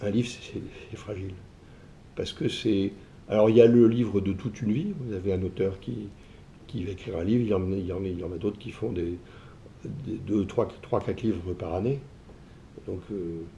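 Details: Adult man who stutters, saying it sometimes blocks him so that under strong emotion he cannot say the phrases he intends; stuttering.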